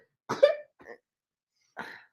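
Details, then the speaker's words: An adult gives a short, sharp cough, then a softer second burst and a later third; it was briefly mistaken for a sneeze, but it is a cough. "That wasn't a sneeze. That was a cough. I'm well aware. I know what sneezes are."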